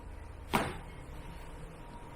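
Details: A single sharp crack from the neck during a chiropractic cervical spine adjustment for shoulder stiffness, over quiet room noise; neck joint cavitation.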